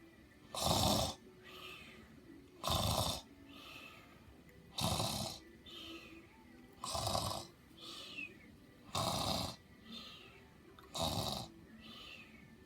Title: Loud happy snores 2